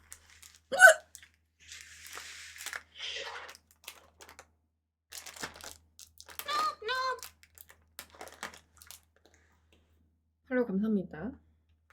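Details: Streamer in a quiet room: a few sharp, abrupt voiced gulps between rustling and handling noises, hiccups.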